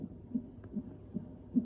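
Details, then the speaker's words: Rapid, regular whooshing fetal heartbeat on a hospital monitor, about 145 a minute, during monitoring at a membrane sweep visit. "അതെ ഇത് 145 കുട്ടിയുടെ heart beat ആണ്"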